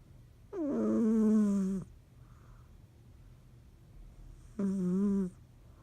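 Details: Two loud, buzzing snores from a cat, separated by a quiet out-breath pause; feline snoring.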